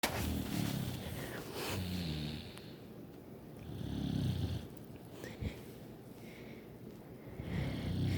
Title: me singing to sisters snore